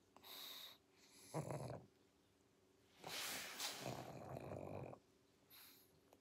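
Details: Sleeping pug giving noisy, rattling snores and harsh snorts with each breath, typical of a flat-faced dog.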